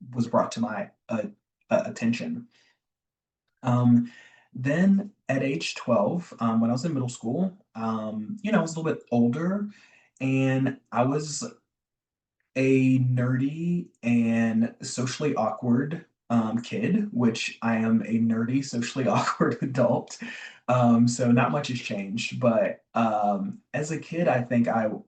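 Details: Adult man, a self-described recovering covert stutterer who still stutters (real, not acted), with word and phrase repetitions and fillers; covert stuttering.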